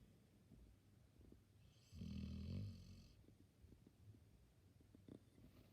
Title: Dog snoring for 33 seconds straight